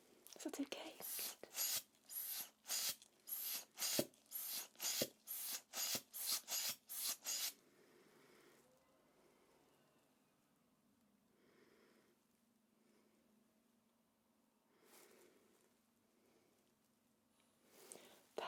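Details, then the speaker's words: Simulated nurse role-play after ear surgery: rapid rhythmic hand-bulb squeezes inflating a blood pressure cuff on the left arm, then quiet release and soft handling sounds. "i'll just put the cuff on and i'll inflate the cuff it will fit a little bit tight as i do so but it won't last for long okay"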